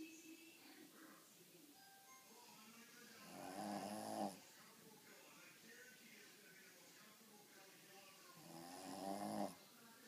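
Two slow, rasping snores on the in-breath from a sleeping dog, about ten seconds apart, over quiet room noise.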